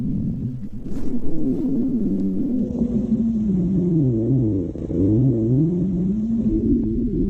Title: Tricky stomach growling